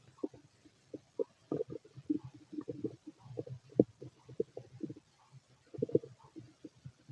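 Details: Fit adult male, normal bowel sounds (borborygmi) through a stethoscope on the abdomen while digesting pastry, chicken, curry, bread, milk, eggs and pasta: irregular low gurgles and rumbles.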